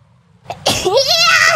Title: is solid sneeze